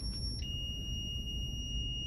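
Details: Steady high electronic tone from a Zoll defibrillator charging at 30 joules during a routine self-test with pads attached, over low room hum: defibrillator charge tone.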